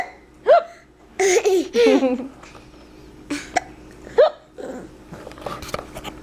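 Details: Dog hiccuping: several brief, abrupt gulping hics with quiet room sounds between them.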